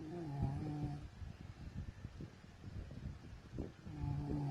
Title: MY WIFE SNORING/SLEEPING OLD VIDEOS COMPILATION